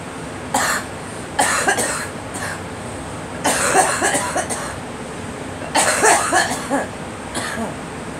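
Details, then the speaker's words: Cough in a girl: several bouts of short repeated coughs over steady background hiss, while she is encouraged to let the cough out. "You let it out. Let the cough out."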